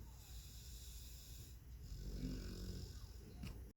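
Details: Snoring during a pre-bedtime nap after a rough day: a low, rumbling snore with a snorting quality, possibly replayed from a film scene, with background noise; snoring.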